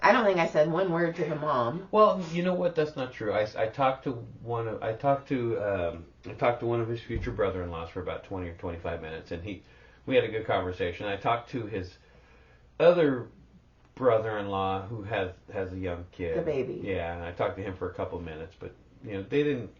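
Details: Adult man speaking; ordinary speech.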